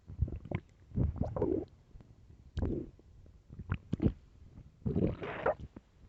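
Loud, low gurgling rumbles and squelches coming in irregular bursts, hunger growls of the stomach, a normal finding.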